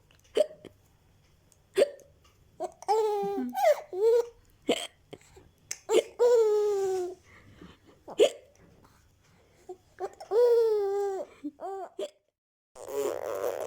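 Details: Mother's hiccups with her baby laughing in reaction: short, abrupt hiccup sounds a few seconds apart, mixed with the baby's laughing and babbling.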